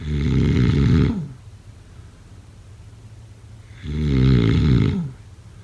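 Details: Snoring during sleep: two loud, low, rattling snores about four seconds apart, with quiet breathing between.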